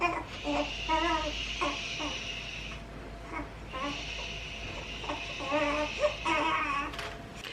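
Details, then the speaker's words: Newborn girl woken and hungry during a diaper change: short, repeated fussy cries with some room noise; a hungry infant's cry. "we had a short intermission because little miss woke up and was hungry and her diaper changed which you guys heard it was very hectic"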